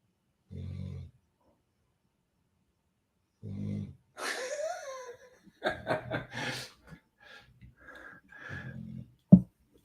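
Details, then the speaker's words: Snoring picked up during a live stream, with the microphone lowered closer to the snorer, so the snores come in louder. "what the hell is that noise that's snoring down here no kidding yeah he's snoring away"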